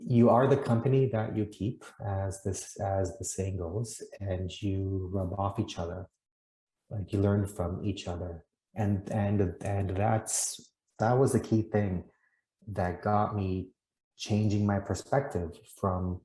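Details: Adult man from Canada who stutters, speaking in an interview about his experiences; he once hid his stuttering and later came to see it as something cool he does; stuttering.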